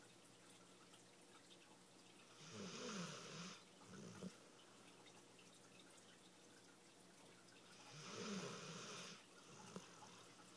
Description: Bicycle had a fun day at the beach and is super tired...snoring like a person.